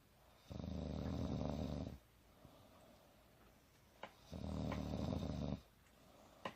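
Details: Adult woman (mother) napping on a couch: two long, low, rattling snores on breathing in, with quiet pauses between; snoring.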